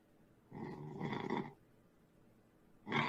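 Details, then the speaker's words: Person faintly snoring during a live stream, heard under the talk and laughter of other people. "Y'all know the sn if y'all listen real closely, you can hear the magnet snoring."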